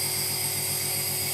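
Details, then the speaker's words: Compressor nebulizer just switched on in a demonstration of nebulizing children, with visible mist of fine particles: steady loud mechanical hum with a high hiss. "तो अब ये हमने connect कर दिया है और इसको ऑन कर दें। ऑन करने से देखिए इसमें आपको भाप दिखाई दे रही होगी, इसी को मिस्ट कहते हैं।"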